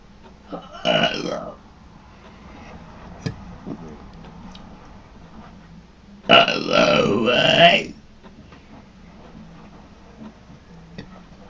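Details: Burping contest: two loud, drawn-out belches, the second longer at about a second and a half, in a quiet room.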